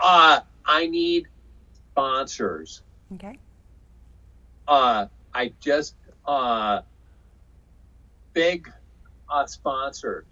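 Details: Aphasia in a man after a stroke in 2005 caused by hereditary hemorrhagic telangiectasia (HHT); he says he had or still has aphasia.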